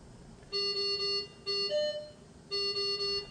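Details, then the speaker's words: Repeating electronic alarm tones during an anesthesia machine checkout: the oxygen tank is closed, nitrous oxide flow cuts off first, and as oxygen supply pressure falls to zero the no-oxygen-pressure alarm sounds. "as the oxygen pressure Falls you should observe that nitrous oxide flow turns off before losing all oxygen flow when the oxygen pressure Falls to zero you should hear and see that no oxygen pressure alarm"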